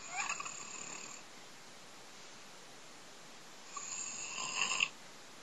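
Two soft, airy, whistling breath sounds separated by a quiet pause: light snoring.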